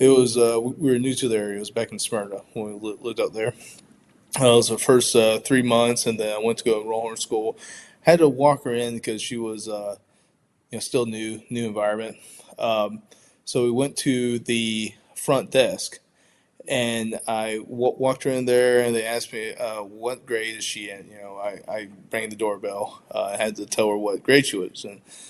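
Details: Stuttering in an adult man who identifies as a person who stutters; audible word and part-word repetitions.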